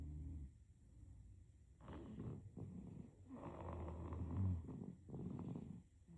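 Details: Sleeping baby snoring: soft, irregular rattling and snorting breaths.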